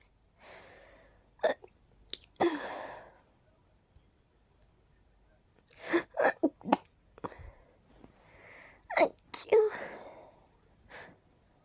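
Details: Person who is highly allergic to pollen: several sneezes with gasping in-breaths and sniffs between, in a quiet room; repeated allergic sneezing.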